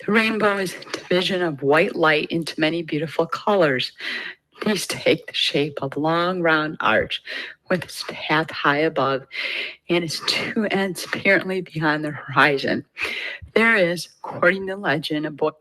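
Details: Patient with abductor spasmodic dysphonia reading the Rainbow Passage, shown as a clinical example of abductor spasmodic dysphonia.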